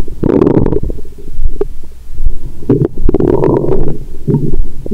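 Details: Active bowel sounds heard through a stethoscope on the abdomen of an adult after a large dinner with wine, taken after a 22-hour fast. Loud, frequent gurgling and rumbling.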